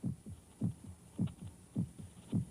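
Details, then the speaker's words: Human heartbeat heard in a soundproofed room: regular paired low thumps, about 105 beats a minute, over a steady hum; normal heartbeat. "The sound of the heart pounding against the ribs."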